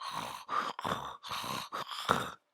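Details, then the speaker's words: Low, coarse, snoring-like rumbles through repeated breaths, on both inspiration and expiration: rhonchi from secretions in the larger airways, typical of sedated ventilated ICU patients, as a teaching example. "Isso aí é mais parecido com o que a gente chama de ronco mesmo, tá?"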